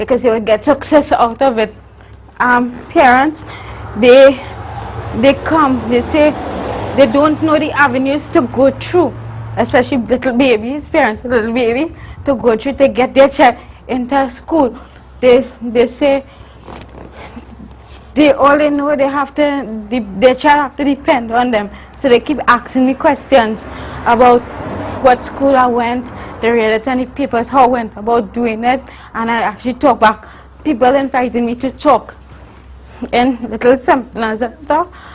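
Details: Adult woman, a university student born with cerebral palsy of the spastic and athetoid type (stiff muscles, uncontrollable movements), with dysarthria in cerebral palsy.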